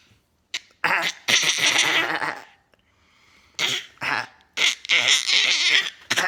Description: Clearing his throat